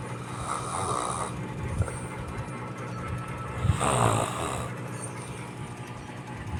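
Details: Tired autistic child with speech difficulty snoring in sleep: rough, rattling snores about every three seconds over a steady background rumble, as from a moving vehicle.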